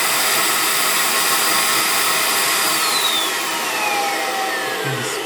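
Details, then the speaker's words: Loud, steady rushing motor whine with a falling whistle as a dental vacuum former, normally used for dentures, pulls heated plastic down after about two minutes of heating; amateur hobby use. "So, vacuum forming. Yeah, this is a vacuum former. This is a dental vacuum former. It's usually used to make dentures."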